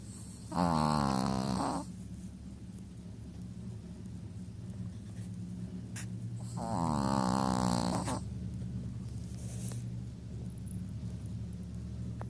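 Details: Chihuahua asleep on owner's lap snoring loudly: two buzzing, vibrating inspiratory snores about six seconds apart, roughly 10 breaths a minute, over a steady room hum.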